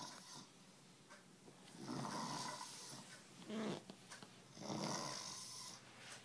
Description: My best friend assed out, after drinking almost a handle of vodka. Having fun with a snoring drunk.